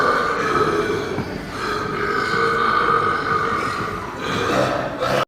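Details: Extreme burping in public: one long, loud, drawn-out belch with a rough, roaring tone lasting about five seconds; burping (eructation).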